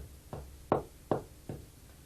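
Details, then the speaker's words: Respiratory physiotherapy airway clearance: cupped-hand percussion on a seated patient tilted slightly to the contralateral side, over the zone between the medial scapular border and the spine, during expiration; four muffled thuds give a dull percussion note that indicates technique efficacy. "bruit de la matité que l'on entend lors de l'expiration nous guide sur l'efficacité de la technique"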